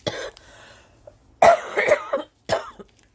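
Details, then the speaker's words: Adult who has been sick, speaking indoors: several short, rough coughs in quick succession, an ordinary cough during illness. "hey guys so you guys know that I've been sick I apologize oh"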